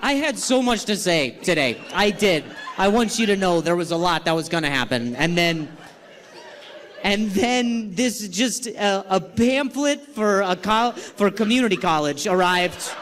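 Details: Stuttering in an adult male comedian performing live on stage, who says he has not stuttered this badly in a long time and has had involuntary sounds and tremors this week.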